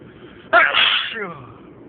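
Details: One short, hissing, partly held-back sneeze with little voice, from a sneezing fit; a stifled sneeze.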